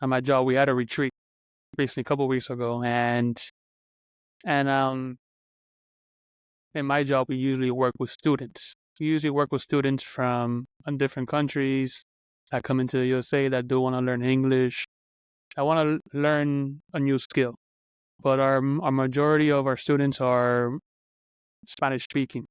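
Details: Adult man who stutters, speaking on a podcast about stuttering; stuttering.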